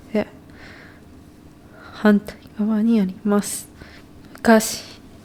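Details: Voice sample of abductor spasmodic dysphonia, a focal laryngeal dystonia in which the vocal folds open involuntarily, from a clinical presentation on spasmodic dysphonia in Japan.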